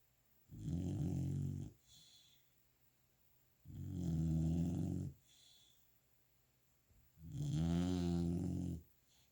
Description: Cali Girl, golden retriever puppy, snoring after a fun day of playing :)